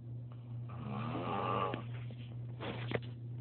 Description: My wife caught me snoring bad. This is what I put her through every single night.